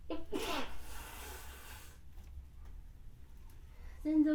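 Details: Woman sneezing while applying makeup: a brief voiced catch of breath, then one sharp explosive sneeze with breathy trailing exhale, a short vocal sound after a pause; single sneeze.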